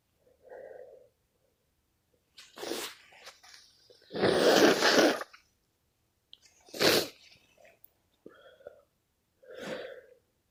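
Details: Repeated sneezing in a person who has been sneezing all day from an unknown cause: about four loud, explosive sneezes, some with a drawn-in breath first, separated by short pauses.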